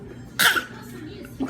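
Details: One short, sharp deliberate fake cough from a healthy male infant with no illness, done to get his mother's attention; voluntary cough.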